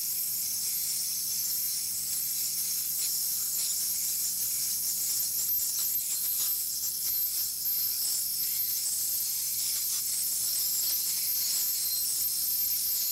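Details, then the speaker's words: Ultrasonic dental scaler demonstrated on a tooth root surface: a steady high-pitched hiss as the tip is moved in a wiping motion against a hefty piece of calculus. "the ultrasonic s or waves that this sets up will not actually shatter the calculus but you need to actually hit the calculus with the tip of the instrument in order to remove it"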